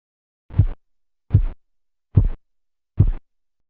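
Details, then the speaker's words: Phase 1 Korotkoff sounds heard over the brachial artery during manual blood pressure measurement as cuff pressure falls: four clear regular tapping thumps about 72 a minute, marking systolic pressure. "sonidos corresponden a la fase 1 de los ruidos de cort kof e indican la presión sistólica para adultos y niños"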